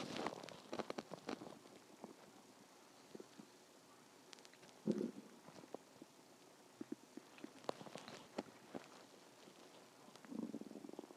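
Scattered low gurgles and short rumbles over quiet background noise; ordinary stomach growling, a normal bowel sound.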